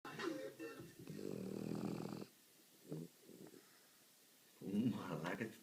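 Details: French bulldog snoring: rough, fluttering snores with snorting breaths from a flat-faced dog, broken by short quiet pauses.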